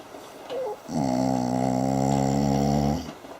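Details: Snoring.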